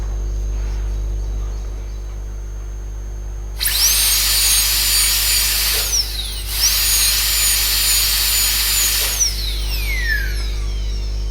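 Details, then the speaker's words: High-pitched dental drill whine in two bursts of a few seconds each, a round burr cutting buccal and proximal ditch cuts (2/3 dentine, 1/3 enamel) while extending a class 2 cavity mesially, over quiet room hum. "So the ditch cut has to be prepared at the expense of 2/3 of dentine and 1/3 of enamel. So we can use a round burr and prepare the ditch cuts."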